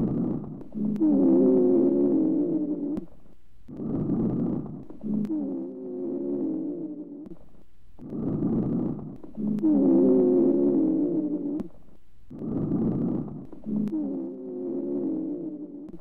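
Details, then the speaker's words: High-pitched expiratory rhonchi: breath cycles with musical, whistling tones during expiration from narrowed airways; expiratory wheeze. "These ronchi may be high-pitched or low-pitched, inspiratory, expiratory or both, short or long, and single or polyphonic. Listen to the high-pitched expiratory ronchi."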